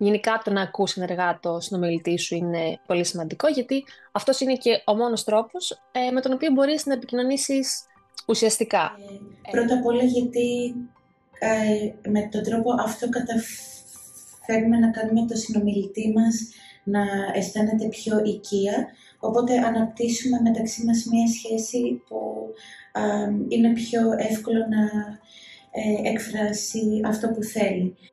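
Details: Adult woman who stutters; stuttering.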